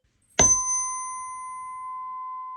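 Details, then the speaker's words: A tuning fork is struck and rings with a clear, steady pure tone that slowly fades, shown for the Weber hearing test. With a left-ear sensorineural problem, the tone is heard louder in the right ear. "so if the left ear was the problem ear the patient would hear the tuning fork louder in the right ear the the good ear"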